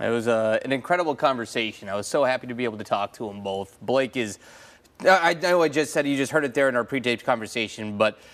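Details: Adult male news host; Typical adult speech.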